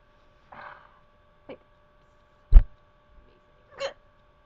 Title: I Have the HICCUPS!! part 4